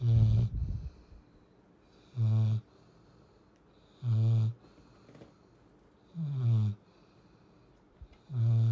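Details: Sleeping Cane Corso puppy: low rumbling snores about every two seconds with quiet gaps between. Ordinary snoring.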